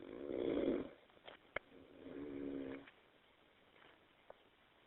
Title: Me Snoring